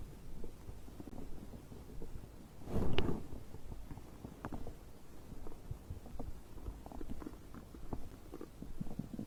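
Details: Bowel sounds recorded after drinking a beverage: low gurgling and rumbling with one louder gurgle, ordinary digestion sounds.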